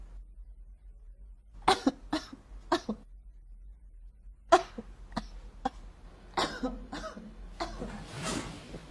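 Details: Simulated, comedic acted cough performed for a skit; cough.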